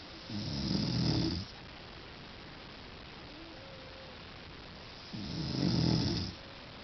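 Two loud, low rattling snores on inhaled breaths about five seconds apart, with quiet exhalation between: ordinary snoring.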